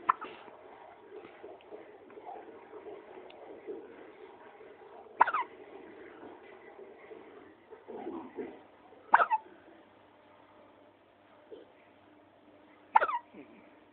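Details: Sharp, brief hiccup sounds about every four seconds over soft background noise; hiccups.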